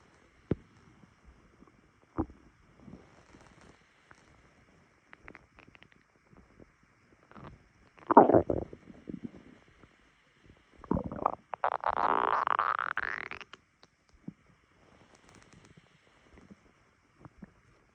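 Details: Stomach rumbling on waking in the morning, recorded by phone: gurgling, bubbling bowel sounds with a long rising squeal among scattered clicks; ordinary borborygmi.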